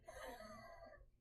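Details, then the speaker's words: Adult feeling sick and congested, short of breath after going out in humid heat, demonstrates wheezing: one drawn-out breath with a whistling, musical tone; plans a breathing treatment. "I started having trouble breathing. Uh right now I'm like wheezing. I don't know if you guys can hear it."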